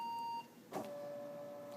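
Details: Veterinary blood chemistry analyzer: short electronic beep on pressing enter after loading 12 preanesthetic test slides, then a mechanical clunk and soft steady tone as it reads the slide barcodes; normal operation.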